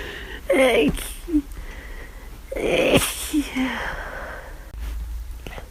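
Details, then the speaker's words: Flu with constantly itchy nose, recorded over about half an hour: two sneezes, each with an in-drawn breath and a sharp burst, in a quiet room; repeated sneezing. "I just need to sneeze all the time."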